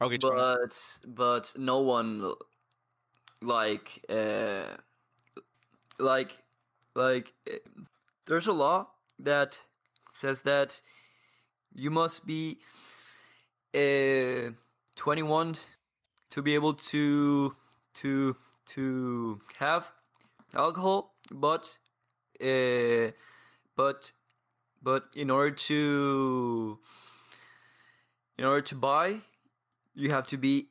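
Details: 22-year-old man from Paraguay who has stuttered for as long as he can remember and trains daily with a community of stutterers; blocks and long pauses between words; stuttering.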